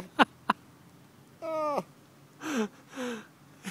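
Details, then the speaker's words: Drunk, hungry man with painful hiccups: two sharp, brief catches of breath, then drawn-out vocal sounds, sighs and groaning in a quiet room. "he's got the hiccups which apparently hurt quite a lot maybe you should stand up so you don't pick up"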